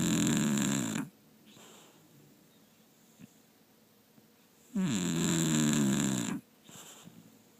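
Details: Snoring: two loud, rattling inward snores about four seconds apart, each followed by a softer outward breath.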